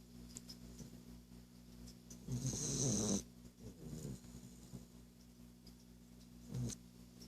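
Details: Boston Terrier snoring.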